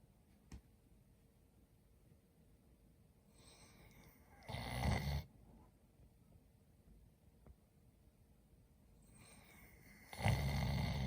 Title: 래브라도 리트리버 강아지의 달콤한 꿈을 꾸며 코고는 소리😴| The sound of a Labrador Retriever puppy snoring in sweet dreams